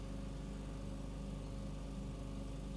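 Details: Continuous low droning hum of a suction unit with a fine tube during ear microsuction of a small, stretchy, chewing-gum-consistency wax piece firmly stuck to the ear canal wall.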